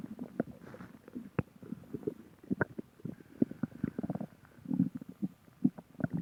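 Irregular run of soft gurgles and squelches from the belly; normal stomach growling.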